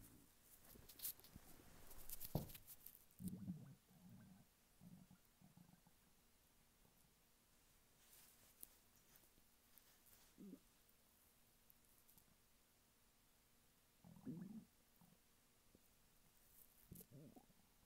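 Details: Male lying flat on his bed, hungry: soft, scattered gurgles and squelching rumbles come and go in a quiet room, normal hunger stomach rumbling (borborygmi).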